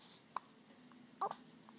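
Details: Infant aged 2 weeks: two or three short, abrupt catches over a quiet hum; hiccups.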